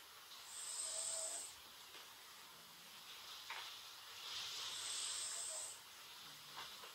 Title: Momo snoring through the rain